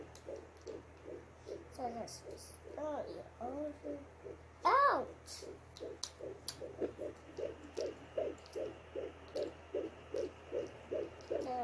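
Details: Fetal heartbeat at 15 weeks of pregnancy, found by the mother herself with a 3 MHz Doppler: rapid, regular whooshing pulses at about 150 beats a minute, with a child's voice early on.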